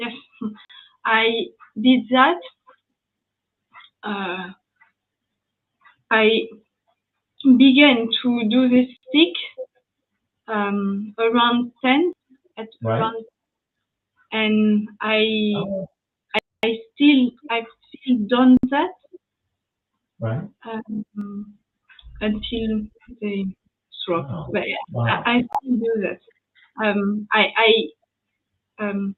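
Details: Young woman, French, with lasting aphasia after an ischemic stroke at age 22 in July 2011; initially mute for 10 days, then a year of rehabilitation; post-stroke aphasia.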